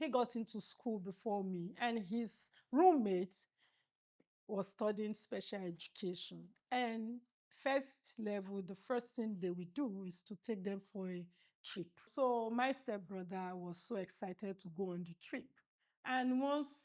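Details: Adult woman; normal speech.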